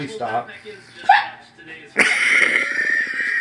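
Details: Adult man (husband) hiccuping: brief speech-like sounds, then a sudden sharp vocal catch and a loud strained voiced sound likened to a little girl's; hiccups.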